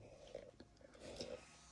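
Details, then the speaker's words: Adult's stomach rumbling from hunger, overdue for lunch: quiet, low gurgling bursts in a small indoor space; ordinary borborygmi. "You can hear my stomach rumbling."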